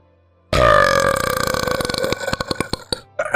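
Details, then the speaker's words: A loud, drawn-out voiced burp that breaks into rattling pulses as it fades; an ordinary, deliberate belch. "I will send you a nice burp to recharge"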